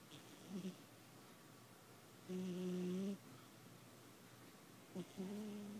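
Two droning, humming snore sounds on the breath in a quiet room: snoring in a sleeping pet.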